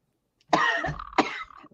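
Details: Cough from a participant in a recorded online group chat: two loud, harsh coughs in quick succession, the second trailing into rough throat-clearing; another joked it was from vodka.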